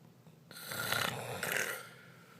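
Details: A single harsh, rasping snore on an indrawn breath, rising and falling over about a second and a half, from an adult man whose wife reports that he stops breathing while asleep.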